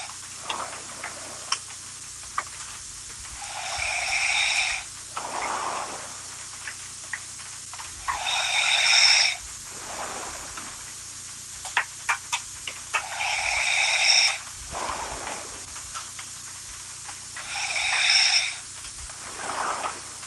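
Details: Woman who says she doesn't snore, snoring: regular high-pitched whistling snores, about 13 a minute, each a second or longer, over steady room hum.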